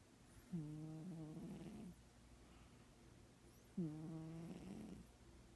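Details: Sleeping female Manx cat in a very deep sleep, with feline herpes; two low, buzzing snores, each over a second and about three seconds apart, with quiet room noise between: cat snoring.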